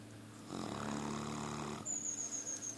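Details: Mastiff (mastino) dog snoring: one long, rumbling, buzzy snore on the in-breath, then a thin high whistle as breathing continues.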